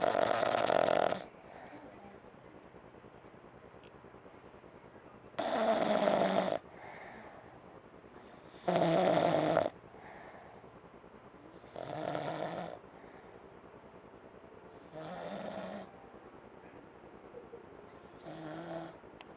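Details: Unedited recording of a female dog snoring while sleeping on her back, loud enough to be heard across the house: repeated harsh, rattling snores, five or six in twenty seconds, about 17 breaths a minute, each followed by a softer exhale.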